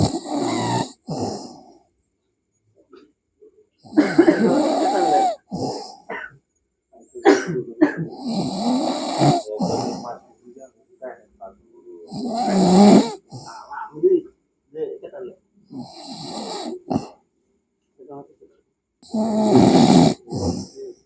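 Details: Loud, rattling snores with each breath of a sleeping person, about 17 breaths a minute, with background music; snoring.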